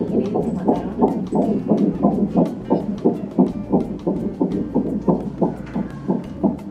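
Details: Fetal heartbeat heard for the first time on Doppler at 10 weeks 2 days of pregnancy during a prenatal check: rapid, regular whooshing at about 170–180 beats a minute; normal fetal heartbeat.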